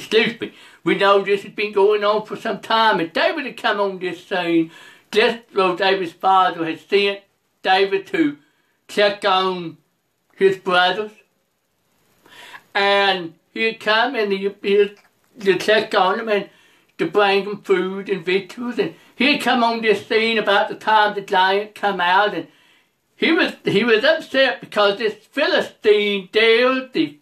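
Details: Adult male preacher who reports a speech impediment, along with poor vision, poor hearing and being unable to go out unless someone drives him; speech impediment.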